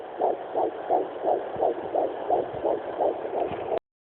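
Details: Twin fetal heartbeats at 10 weeks 3 days on a Sonoline B handheld fetal Doppler, found near the mother's pelvic bone: rapid, regular whooshing pulses, about 170 a minute.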